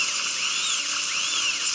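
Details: Wisdom tooth extraction, infected left third molars with inflammation around the crown: shrill high-pitched dental drill whine, pitch dipping and rising under load while cutting a tooth.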